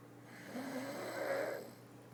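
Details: Snoring during sleep: a single drawn-out, rough, buzzing snore on one breath, lasting just over a second.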